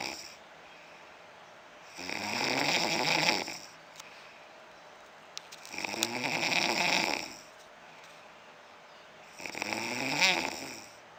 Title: funny man snoring...